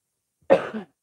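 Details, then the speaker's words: Coughing from a person with a slight cold, blamed on heavy dust exposure from cleaning up under old carpet. "I don't want to kill you guys with the sound of my coughing I have a slight cold coffee cold from all this work and the dust"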